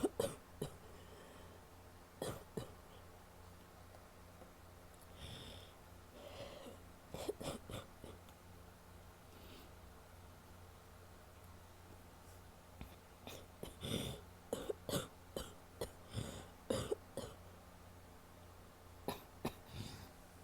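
Short bursts of wet coughing from a woman, in scattered bouts with quiet breathing between them.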